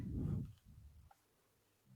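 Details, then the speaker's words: Snoring from a sleeping pet dog heard in the background of a conversation: one low, rumbling breath sound that fades into quiet. "so apologies for the snoring that is Ruby be all right so we're just going to keep going hopefully the the dog snoring is just Ambiance"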